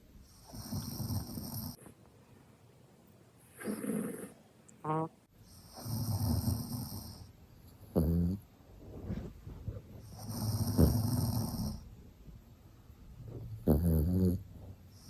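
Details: Maltese dog snoring with its eyes open: low rattling snores on each breath in and snorting exhales, about 21 a minute, irregular.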